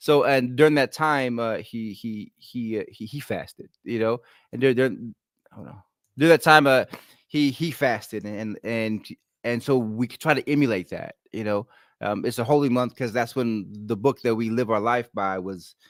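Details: An adult man with a stutter present since childhood, when it was ten times worse, and worse when he is excited or relaxed; here he is visibly concentrating to control it; stuttering.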